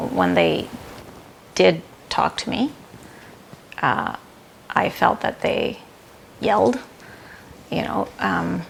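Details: Non-fluent aphasia after a stroke with sudden onset, in an adult woman who is still recovering. Comprehension is preserved; she had about 12 words at six months, and expressive speech is still returning.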